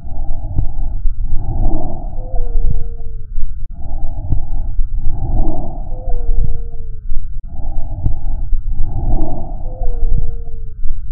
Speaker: a monophonic wheeze indicates that a single Airway is narrowed and when air passes through it this produces a single high-pitched continuous sound single Airway narrowing can be caused by secretions foreign body or tumor